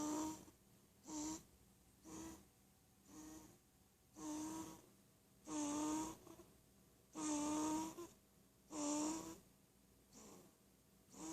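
Rhythmic rattling snores with each breath, roughly one every one to two seconds, some louder and longer than others.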